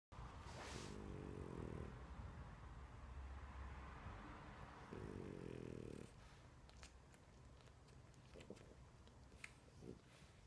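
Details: Dog named in the original caption, sleeping: two rattling, buzzy snores on inhaling with quieter breathing between them, snoring.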